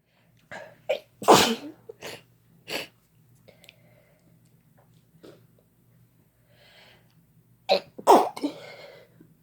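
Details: Two people sneezing together after using chhinkni sneezing powder: several sneezing bursts, with sharp inhalations before the louder sneezes and brief quiet gaps; induced sneezing.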